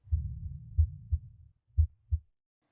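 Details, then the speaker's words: Online auscultation teaching simulator playing heart and lung sounds together, with heart sounds synchronized across four chest positions: low, dull simulated heart thumps with soft rumbling between the early beats. "if you turn on the heartbeat you can hear the heartbeat and lung sounds at the same time as you may have noticed the four coordinates of heart sounds are synchronized with each other we have prevented any deviation so i believe the sounds are realistic"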